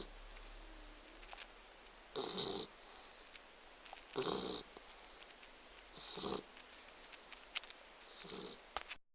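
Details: Four rough, hissing snore bursts about two seconds apart, roughly 30 a minute, over quiet room noise, from a sleeping pet Labrador dog; snoring.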